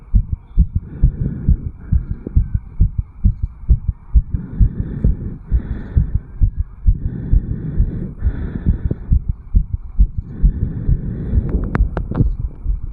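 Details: 34-year-old male after jogging up Bel Air, Cairns, recorded at the mitral (bicuspid) valve area: rapid, regular heart thumps at 160–180 bpm with heavy breathing swells, sinus tachycardia after exercise.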